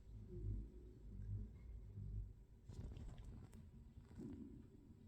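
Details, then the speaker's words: Dog sleeping in the hallway snoring: faint, low rumbling snores, followed by some household clatter. "Стёпа спит прихожки и тут слышно как он храпит"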